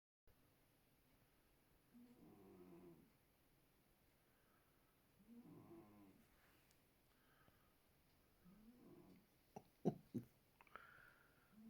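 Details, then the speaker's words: Sleeping cat snoring: three soft, fluttering snores a few seconds apart, then brief rustling in a quiet room. "you think cats don't snore?"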